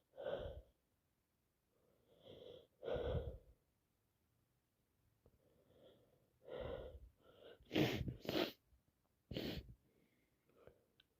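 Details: Person with a common cold on day 3, caught from a cousin, unable to stop sneezing: about six to seven wet sneezes, some doubled in quick succession, with sniffing between; repeated wet cold sneezing.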